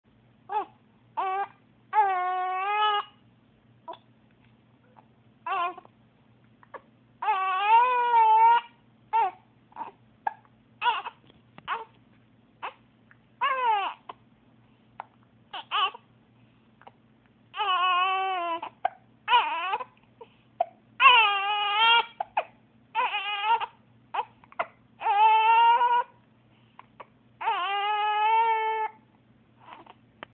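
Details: Infant (boy) upset by hiccups, unable to cry properly; distressed crying in short, choppy bursts broken by abrupt hiccup sounds over a faint electrical hum.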